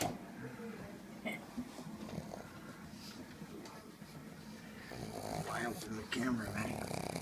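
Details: Max, a pug, snoring: rough, fluttering, snorting breath noises against faint room noise, growing louder toward the end.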